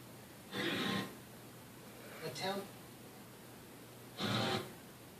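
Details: Ordinary snoring during sleep: two long, rough snores about three seconds apart with a softer sound between, television noise in the background.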